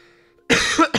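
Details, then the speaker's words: One loud, harsh cough burst and the start of a second from an adult streamer with a cold, recovering, reporting mucus in throat and nose and a hoarse voice. "Hangom még egy kicsit gatya, érzem amúgy a taknyot amúgy a torkomba, meg az orromba, így átmenetbe."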